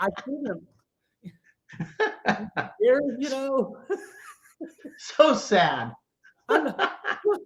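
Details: Stroke survivor with aphasia caused by a stroke about 9.5 years earlier, speaking live; aphasia.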